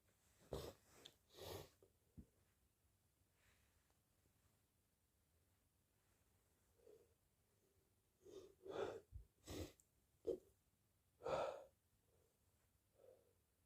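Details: Repeated sneezing in late August: several short sneeze bursts in two clusters, with quiet breaths and sniffs between; the cause is uncertain, allergies or a cold.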